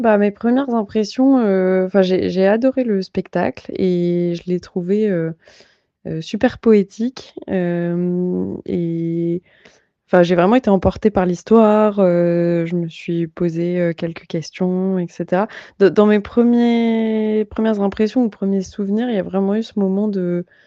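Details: Adult woman speaking French; fluent speech.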